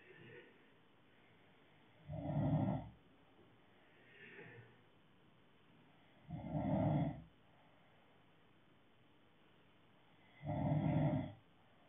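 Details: Loud rattling snores on each breath in, about 14 breaths a minute, with softer breaths out between; ordinary snoring.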